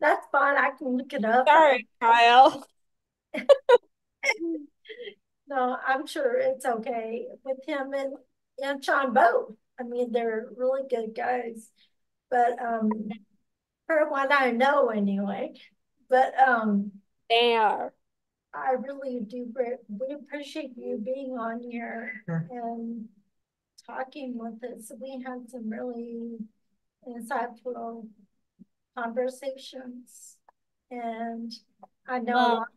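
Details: Podcast host with ataxia who reports doing extensive work on word pronunciation, type of ataxia not stated; ataxic dysarthria.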